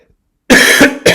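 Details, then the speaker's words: Cough from an adult man who says he is sick, during a recorded lecture: an audible cough. "Hear that cough? I'm sick."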